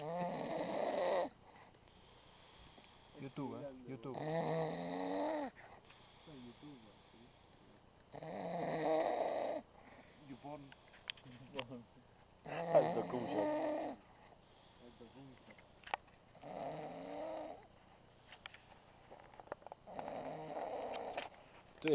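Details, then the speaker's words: Elderly grandfather sleeping by a campfire outdoors at night snores loudly; harsh snores repeat roughly every four seconds with rattling, gurgling breaths between, mistaken by others for choking. "pensaban que se está ahogando se está muriendo no eso es un ronquido nada más"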